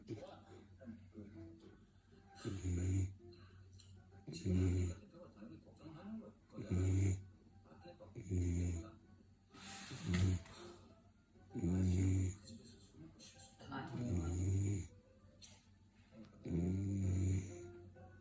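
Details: A sleeping Labrador Retriever puppy snoring: soft, low rumbling snores about every two seconds, with faint snuffly breathing between them.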